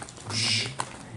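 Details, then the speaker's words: Vocal imitation of a holosystolic murmur, as from mitral regurgitation: steady continuous blowing whoosh starting immediately in systole, covering S1 and S2 so they are not heard as distinct sounds. "Sometimes it completely covers up S1 and S2. A holosystolic murmur can just sound like this,"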